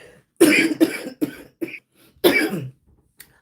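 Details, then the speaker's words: Chronic cough in an adult on high-dose prednisone on and off since 2006, with brittle teeth; the cough is said to be much milder now than at its onset. "Y'all hear the way I cough now. This is nothing. The coughing y'all hear now for my um people that been coming in every day this coughing is nothing compared to how it started off."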